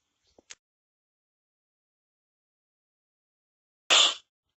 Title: SHAKE RATTLE AND ROLL COUGHING SCENES